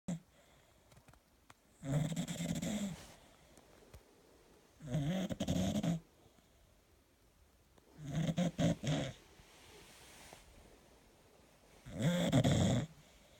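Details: Four loud, rough, rattling snores on the in-breath from a relaxing Bulldog, spaced irregularly at about 16 breaths a minute, with quiet room noise between them; snoring.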